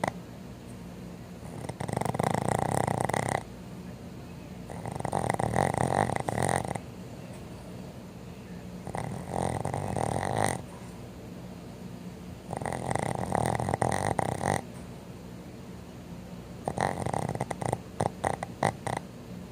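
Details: Loud, fluttering snores from sleeping Boston Terrier dogs, about 12 breaths a minute, with quiet pauses between; loud enough to drown out a TV.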